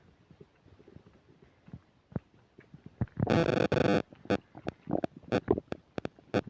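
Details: Person's stomach while eating a burger and fish fries, recorded with a new microphone that has occasional static: irregular gurgles, squeaks and a sustained rumbling growl; loud borborygmi during digestion.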